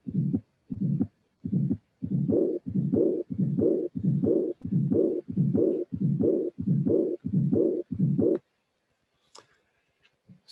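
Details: Auscultation teaching recording: regular heartbeat around 90 a minute, normal beats then whooshing murmurs, a soft short early-peaking systolic flow murmur plus high-frequency diastolic murmur of aortic regurgitation.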